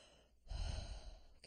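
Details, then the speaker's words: Imitated normal vesicular breath sounds: a soft, low, muted breathy inhale made by mouth, then a brief voiced sound, with about a three-to-one ratio of inspiration to expiration. "about three to one ratio of inspiration to expiration and the the ratio occurs because expiratory sounds normally end well before the actual expiratory freight phase of respiration has ceased"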